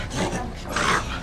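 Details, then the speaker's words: Dog reverse sneezing ("honking", goose-like sound): two harsh, rasping snorts, brief noisy inhalations through an upper airway temporarily narrowed by spasm or swelling of the soft palate or larynx area. "하는데요 마치 거위가 우는 것처럼 흥거 흥거 하며 큰 소리를 내서 우리를 놀라게 하는데요이 리버스 스니징 그요 입천장의 부드러운 연구에는 혹은 후두부 쪽에 연한 부분에 갑작스런 경련이나 혹은 비유 부어 오르면서 공기가 들어가는 곳이 좁아져서 생기는 물리적인 현상입니다"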